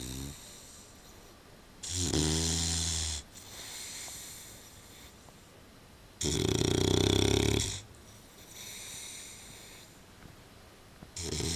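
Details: Old English bulldog snoring while asleep in a dog basket that is a little small.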